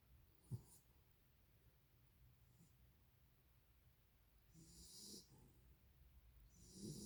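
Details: Little Noah, a sleeping dog, snoring with quiet snuffling breaths, a brief snort and soft snoring sounds.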